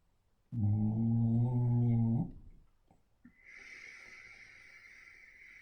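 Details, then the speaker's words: Dog snoring: one deep, rumbling snore lasting about two seconds, followed by a soft hissing breath in a quiet room. "I'm sure you can hear Frankie Frankie snoring not the most relaxing Frank"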